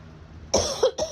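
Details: Adult with acute bronchitis about 10 days after a summer head cold that moved into the chest: after a quiet pause, two harsh, rough, chesty cough bursts, the second cut short.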